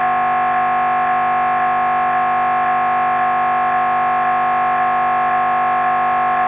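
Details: Loud, steady electronic droning with fast regular pulsing from an MRI scanner running a brain scan sequence; a downloaded sample recording of normal scanner noise.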